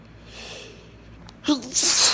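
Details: A quick indrawn gasp, then a single forceful sneeze in a quiet room, deliberately triggered by sniffing chickni.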